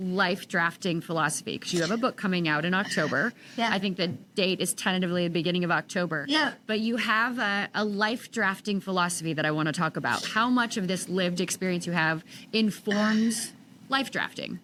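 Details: Adult woman, podcast host; Typical speech.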